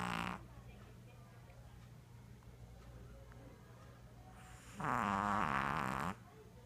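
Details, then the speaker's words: Dog snoring loudly while asleep: a brief snore at the start, then a loud rasping snore near the end, with low steady room hum between. "Hachi. Hachi, you're snoring. Hachi, you're snoring."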